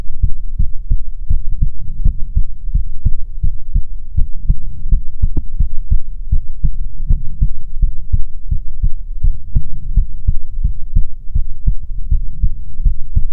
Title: ♡ ASMR ♡ Goth Succubus Fox Girl Gives You Best Heartbeats